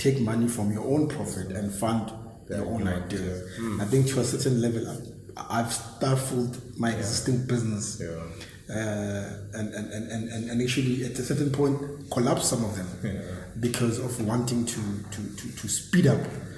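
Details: Stuttering (stammering) in an adult man since very young age, regarded as a disability.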